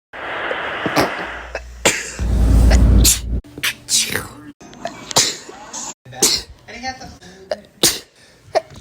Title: sneezing for a minute!!!!! pt. 6